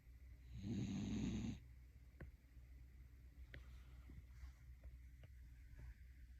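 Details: A sleeping dog, exhausted after a long rainy walk and a shower, gives one loud, rumbling snore, then breathes quietly with faint clicks and shuffles; ordinary snoring.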